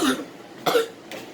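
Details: Child coughing after taking a sriracha hot sauce shot: three short, harsh coughs in quick succession with quiet room noise between.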